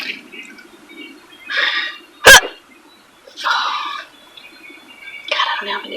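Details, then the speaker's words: Woman driving a car who got hiccups, she thinks after a salad with beer; a single sharp, abrupt hiccup against soft voice sounds and faint car noise; hiccups. "now I have to drive home with hiccups man I'm allowed to I think it's because I had a really good salad with beer"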